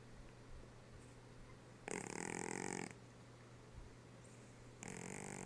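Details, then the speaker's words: Sleeper giving two loud, rattling snores on the in-breath over a steady low background hum; loud snoring. "Gard stop that snoring carfield why you snoring why are you snoring so loud"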